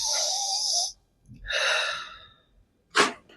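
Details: Two drawn-out breathy gasps, then a sharp burst of breath, each with silence between, from a patient being told to breathe during chiropractic adjustment for PLID or sciatica; gasping.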